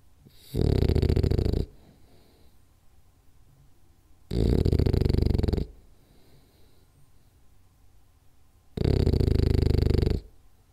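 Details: French Bulldog snoring hard during a 10-minute nap: loud, rough snores on three breaths in about 10 seconds, with quiet pauses between them; snoring.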